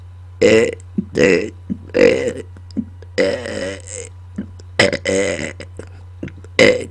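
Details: About six loud, drawn-out voluntary burps, some shaped into words, made on command after dinner into a microphone, over a steady low hum; belching.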